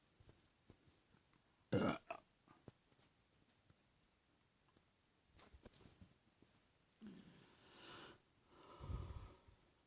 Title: More Burps!